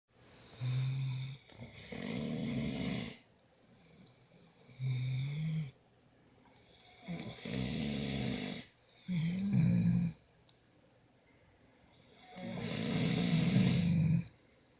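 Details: One of two sleepers in a snoring competition; repeated low, rumbling snores, each one to two seconds long, at an uneven pace of about 14 per minute with quiet gaps between; snoring.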